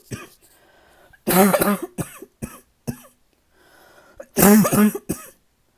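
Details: Person who has coughed for days and nights without uninterrupted sleep: two bouts of harsh, forceful coughing, each a strong burst followed by shorter coughs and a throat clear, in a quiet room; persistent cough.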